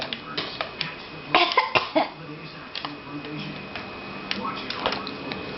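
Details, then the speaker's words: Six-month-old boy making a few short, light, deliberate coughs that he habitually uses to get attention; voluntary fake cough, not illness. "okay you're six months now and this is gavin and he does with fake cough all the time to get attention are you gonna do it"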